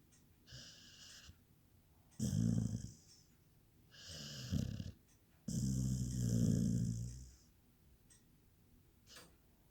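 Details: Rough, rattling snores on breaths in, with quieter whistling breaths out in a quiet room; ordinary snoring, recorded 2019.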